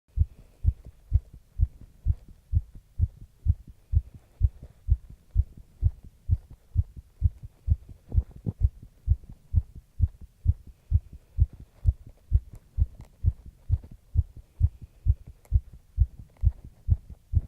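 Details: Steady, regular low heart thumps at roughly 130 a minute, recorded while stretching during light exercise; a mildly fast heartbeat after exercise.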